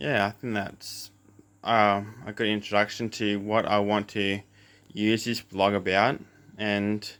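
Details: Adult man with cluttering since birth: doubles words, runs words together, speaks too fast, uses fillers; also has a lisp; says these struggles occur here; cluttering.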